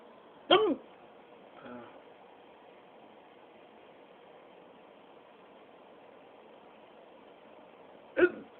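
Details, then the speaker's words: Two sharp, abrupt hiccups about eight seconds apart in a quiet room, with a faint catch between them, from a man. He says he got them from drinking too much vanilla Coke Zero. Recorded on a phone held near his neck; his bouts usually last about 10 minutes. "I got the hiccups again from drinking too much vanilla Coke Zero, so hopefully they haven't gone away now that I've started filming on my cell phone. Nope, it looks like they did not."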